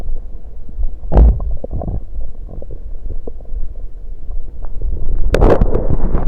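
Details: Stomach recorded after drinking soda; low rumbling and irregular gurgles with sharper pops and a louder sloshing burst near the end as swallowed fluid moves: bowel sounds (stomach gurgling).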